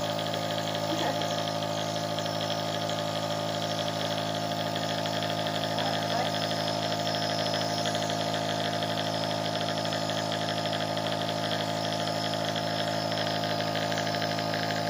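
Steady low motor hum with a constant buzzing drone; a compressor nebulizer running.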